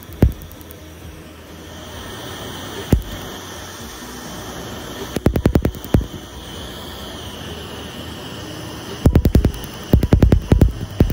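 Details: Laser tattoo removal on a female shoulder: bursts of sharp, rapid snapping laser pulses over a steady hiss of cold air from an air chiller that numbs the skin.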